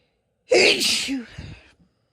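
One forceful, hissing sneeze with a brief voiced burst, then a short breath afterward.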